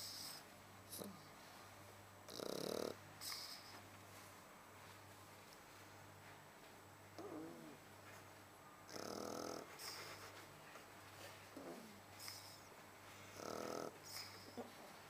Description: SHAR PEI SLEEPING AND SNORING